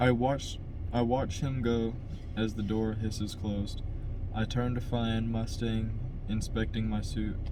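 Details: Adult man who stutters, by his own account a little, reading a novel chapter aloud as practice to help his stutter; word repetitions; stuttering.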